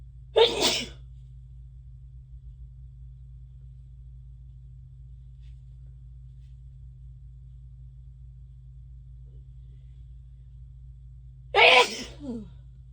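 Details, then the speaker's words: Deliberately induced sneezes, announced aloud ("so tickly, gonna sneeze"), with itchy, watery eyes; two loud, sharp sneezes about eleven seconds apart over a low room hum. "Jeez. Sorry, it's so tickly. I can't eat my head. Gonna sneeze."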